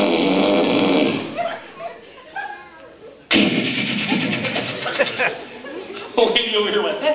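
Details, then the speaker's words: An adult man imitates loud, harsh, rasping nasal snores in a noisy room, as if a wood chipper were stuck in the sinus cavity: mimicked nasal snore. "there are nasal snores those are the people who sound like they have a wood chipper stuck in the back of their sinus cavity it kind of sounds like"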